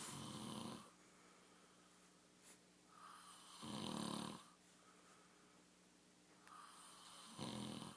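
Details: A sleeping man makes loud rattling snores on each breath in, about three in eight seconds, with quiet breathing between; a plain snore.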